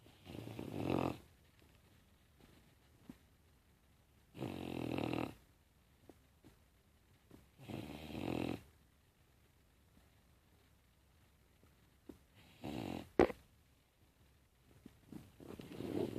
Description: Bowzer snoreing loudly